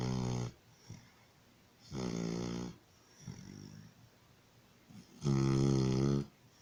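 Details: Loud, rough, buzzing snores on the in-breath, about three in six seconds, with quieter breaths between; a puppy snoring in sleep after receiving vaccination shots at the vet.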